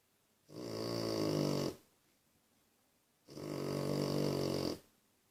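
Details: Two long, rumbling snores on the in-breath in a quiet room, about 20 breaths a minute, from a mother snoring while feeding her babies: snoring.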